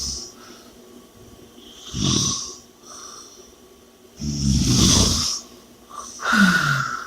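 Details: Loud rattling snores with heavy, noisy breaths in between; snoring from a partly blocked upper airway, with heavy breathing.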